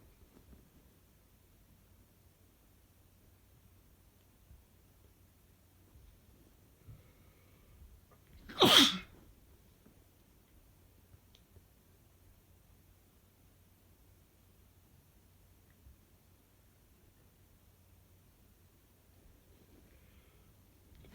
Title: Boyfriend’s allergy sneezes (M)